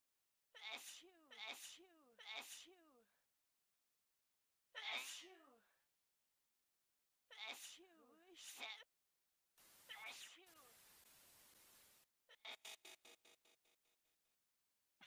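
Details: A compilation of 25 different sneeze types in 54 seconds: separate sneezes in varied styles, some high and voiced, one long noisy burst, then a quick run of short sneezes.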